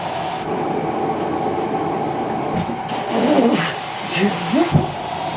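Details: Cough assist (mechanical insufflation-exsufflation) machine cycling in a quadriplegic smoker, used alongside a nebulizer treatment: steady machine blowing noise shifting in pressure, faint voice and short sounds at the switch.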